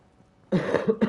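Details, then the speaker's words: Adult coughing close to the microphone while gaming and chatting: two short, harsh cough bursts after a brief quiet stretch; an ordinary cough. "me, guys. I'm gonna start muting my mic when I cough."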